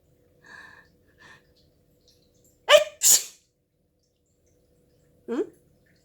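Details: Soft in-breaths, then a loud two-part sneeze from the cat's owner (possibly a deliberately faked sneeze), followed by a short scolding cry from the cat, who reacts this way to every sneeze but not to coughs.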